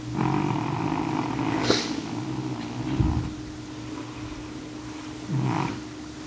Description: My cat N2 snoring as loud as he possibly can, a regular occurrence at night on the couch